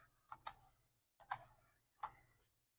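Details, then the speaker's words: Training demonstration of a LifeFlow PLUS manual rapid infuser, each full handle squeeze delivering 10 mL: quiet room with a few sharp plastic clicks in pairs as the handle is squeezed. "istration is done by squeezing the handle each full squeeze of the handle delivers 10 mL of blood or fluids to the patient"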